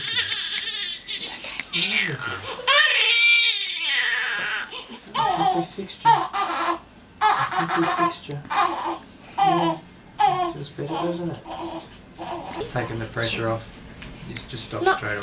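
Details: Baby boy of about four weeks, born by forceps with an upper-neck problem, cries in short fussy bursts during a Gonstead chiropractic adjustment while an adult talks. The crying settles as he falls asleep afterwards.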